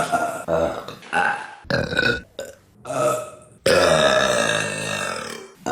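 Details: Compilation of deliberate female burping: a run of loud, drawn-out voiced burps, several short and one long, in a small room.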